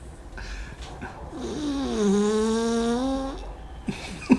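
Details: Small female dog sleeping so deeply a ringing phone doesn't wake her: drawn-out, tonal, groaning snore with faint room noise; snoring.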